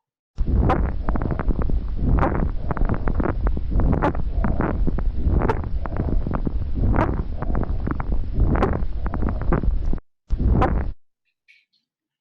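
Noisy chest recording with repeated crackling bursts and brief low-pitched squeaky sounds tied to them, fitting squawks, ending in near silence.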